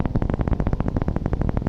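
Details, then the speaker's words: Needle EMG on a volunteer's arm muscle, recorded on a Neuro-MVP-micro system while he presses against the examiner's hand near the elbow: rapid, regular crisp popping at about 14 per second from normal motor unit potentials. "то есть мы с вами видим как раз вот эти потенциал двигательных единиц которые машина программа автоматически нам находит наша записи мы включаем накопление сигнала"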